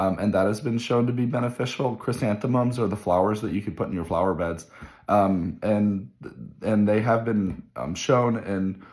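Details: Hoarse voice from viral laryngitis in an adult male physician, recorded at the start of day three: voice changes with occasional squeaks began two days earlier, markedly worse the day before.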